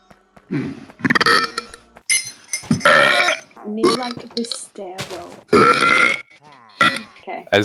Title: burp compilation 2019